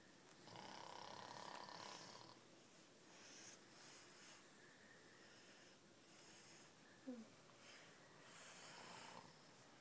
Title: Daddy snoring